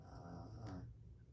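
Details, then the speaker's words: Sleeping female dog snoring: a single low, rumbling, drawn-out breath with soft snorting texture; ordinary snoring. "really hope you can hear her snore it is everything down there"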